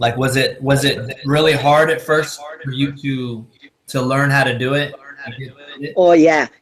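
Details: Adult male speaker; typical speech.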